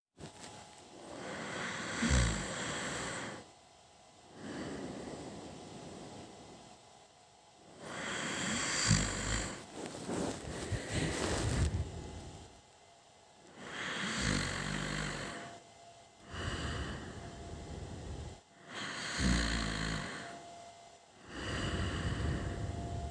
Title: Rising Snoring